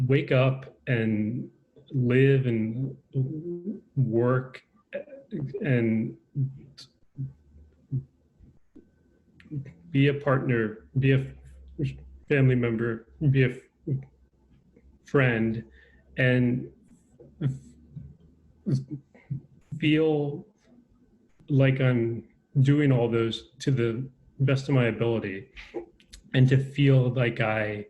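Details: Adult man with a lifelong stutter; stuttering.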